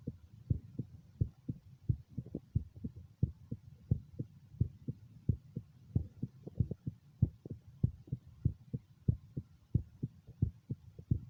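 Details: Self-recorded stethoscope heart sounds at the mitral area, taken while doing an ultrasound (echocardiogram) of one's own heart: a steady, regular, low paired thumping, normal heart sounds.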